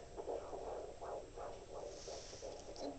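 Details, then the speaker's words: Fetal heartbeat on Doppler: rapid, regular whooshing pulses at about 156 bpm, with the baby kicking and swimming away from the probe, a reactive fetus. "got about 156 on the heart rate M and obviously reactive to the Doppler most babies are"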